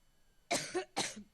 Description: arrived in Cleveland today and spent the first few minutes of her speech trying to get her cough under control.